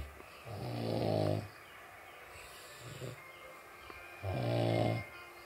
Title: Ngorok vs Ngorok, Mana yang Lebih Nyaring Suaranya